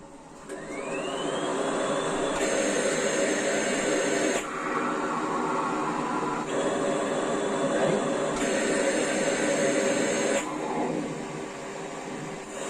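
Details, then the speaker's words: Mechanical cough assist used on a special needs child with dipping oxygen to take deeper breaths; steady machine whooshing alternating every two seconds between push and pull, forcing air into her lungs to simulate a cough. "so i've mentioned before what the cofficist does but basically it simulates a cough in her it forces air into her lungs"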